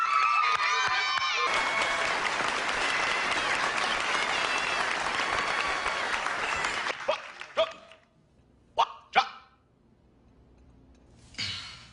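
Loud applause fades, then an adult gives several abrupt bark-like vocal bursts: vocal tics of Tourette syndrome, acted in a film dramatization.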